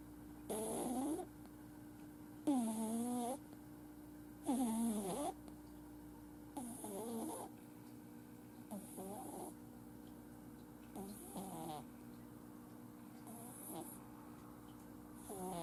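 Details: Male flat-faced Exotic kitten, born July 2018, who snores whenever asleep: rhythmic whistling, squeaky snores, about 30 a minute, over a steady background hum.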